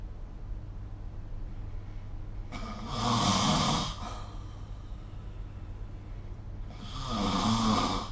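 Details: Snoring recorded during sleep with the SnoreLab phone app; two rough, rumbling inspiratory snores at about 15 a minute against steady low room hum.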